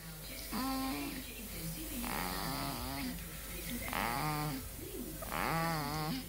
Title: Cute Baby Snoring